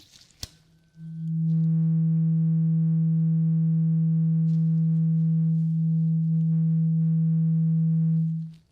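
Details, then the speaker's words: Simulated cranial nerve exam roleplay, patient's eyes closed: a click, then a steady pure tone held about seven seconds and fading, an acted hearing test tone. "Okay, I need you to close your eyes really quickly. Thank you. And I want you to tell me if you can hear this sound."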